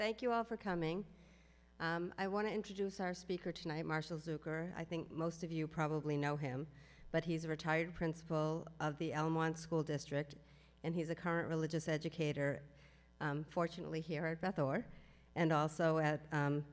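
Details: Adult woman; normal speech.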